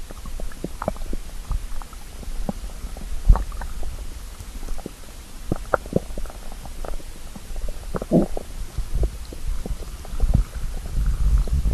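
Low rumbling and gurgling bowel sounds with scattered pops over steady noise; normal hunger stomach growling.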